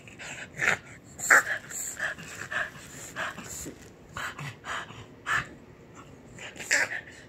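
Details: A dog coughing: a series of short, harsh, irregular dry bursts, about ten in seven seconds, with quiet breathing between them.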